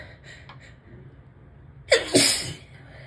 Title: 3/28 - tickly sneezes with lots of buildups!